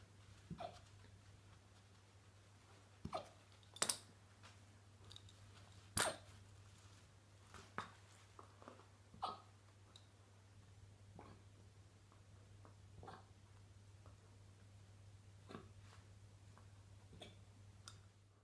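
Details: Alaskan malamute puppy (female) hiccuping after eating dinner: soft, quick hiccup clicks, irregularly spaced, over a quiet room hum; hiccups.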